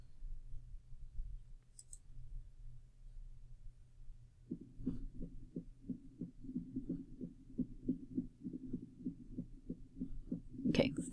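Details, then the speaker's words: Heart sounds at uneven intervals after a quiet start, fast then slow, with no steady rhythm: an irregular heart rhythm played as an abnormal example in a heart-sound assessment lesson. "fast, slow, no rhythm. Yeah, can't quite tap your foot to that."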